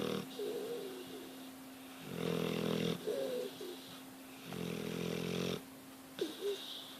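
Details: Dog snoring while asleep: repeated buzzing snores every couple of seconds with small squeaky breath noises between, over a constant background hum.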